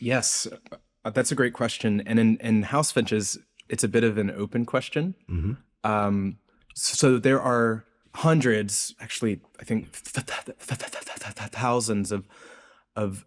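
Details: Adult researcher who reports a speech impediment audible throughout the interview; stuttering-like disfluency with word repetitions and prolongations.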